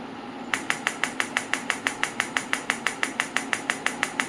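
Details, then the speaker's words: Biotronix PEMT loop-applicator pulsed electromagnetic field therapy machine switched to 6 Hz: sharp, regular clicking pulses about six per second over faint room hum, the audible pulse rate rising with frequency. "Now I will switch the same to 6 hertz. You can see the variation, you can hear the variation. Let us hear the 6 hertz again."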